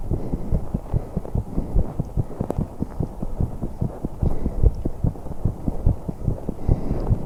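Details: 21-year-old woman holding her breath for a few seconds during exercise: rapid heart sounds with breathing sounds, a fast exertional heart rate.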